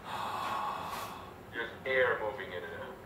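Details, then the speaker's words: Adult patient breathing in and out with an open mouth using the diaphragm: rushing breath noise from turbulent airflow, with no high-pitched stridor. "But that would be just turbulence, what we call turbulence, just the air, the sound of the air."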